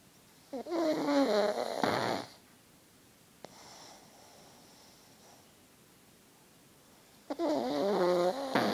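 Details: Two long, loud, rattling breath sounds in sleep with a quiet gap between, from a sleeping purebred pug; snoring in a flat-faced dog.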